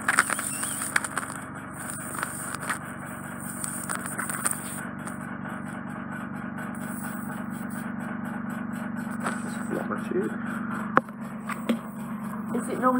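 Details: Endoscopic suction of soft, occluding wax at the narrow lateral entrance of a woman's right ear canal; ear with tympanosclerosis and suspected Eustachian tube dysfunction: steady hissing, gurgling suction with scraping crackles and pops.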